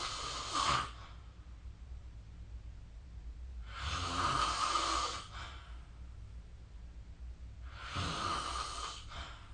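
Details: Slow, rhythmic snoring, three rasping breaths in under ten seconds over a steady low hum, recorded during sleep with the SnoreLab smartphone app.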